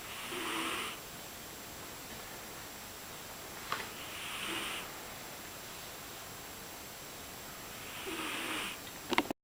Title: Snoring cat